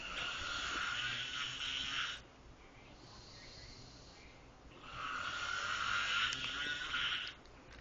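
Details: Loud, harsh, rattling snores on each breath, long and rough, separated by quieter pauses, loud enough to wake the recorder from sleep; heavy snoring.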